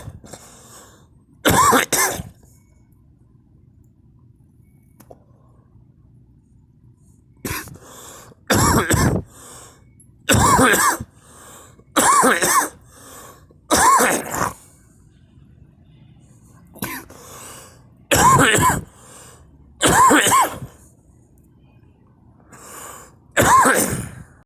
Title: me coughing